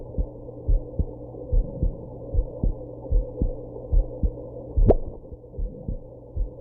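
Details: Heartbeat with hiccups, recorded after drinking a little alcohol and smoking.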